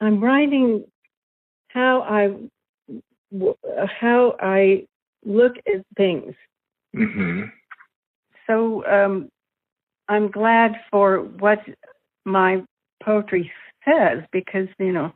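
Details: Aphasia in an adult female following a stroke that also caused paralysis.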